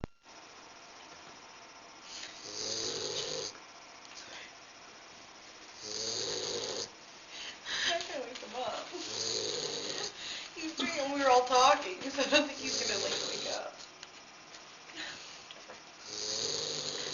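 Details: Great Dane puppy snoring while asleep on a person's lap: repeated loud, rough snores on each breath, about one every four seconds, in a quiet room with faint background sounds.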